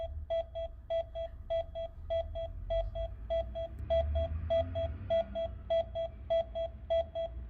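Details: AED demonstration with Korean voice prompts after shock delivery: regular paired metronome beeps at about 100 per minute pacing cycles of 30 chest compressions alternating with rescue breaths during CPR.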